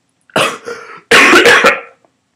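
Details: Adult vlogger who cannot stop coughing while recording gives a short run of harsh, explosive coughs in two quick bouts, the second louder and stacked; ordinary cough.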